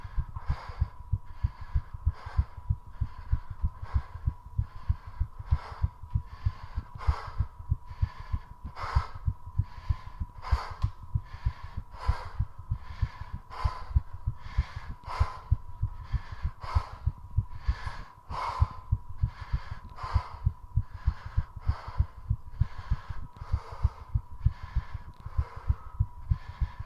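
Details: Exercise-induced sinus tachycardia during 3:30 minutes of squats: rapid, regular heart thumps with loud, fast heavy breathing, the heart rate rising continuously as the person tries to make it beat as fast as possible.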